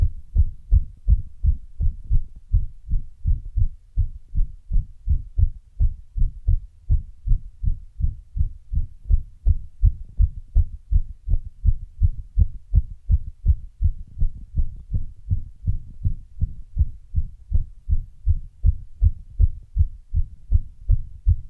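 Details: Heart sounds after running: rapid, strong heartbeats, with an arrhythmia briefly making the rhythm irregular partway through.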